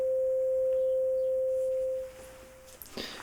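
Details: Steady pure hum of a struck tuning fork, fading after about two seconds, held beside the ear for the air-conduction step of a Rinne test, in a simulated role-play hearing assessment.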